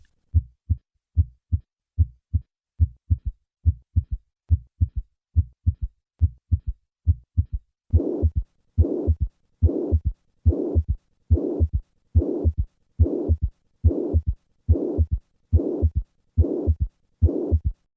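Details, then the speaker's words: Simulated heart sounds about 71/min: normal sounds, then an added third heart sound, then a blowing pansystolic mitral regurgitation murmur. The third sound may signal large regurgitant volume or left ventricular dysfunction. "A third heart sound may occur with mitral regurgitation and can be a sign of a large regurgitant volume or left ventricular dysfunction. I will start with normal heart sounds and then add the third heart sound and then the murmur."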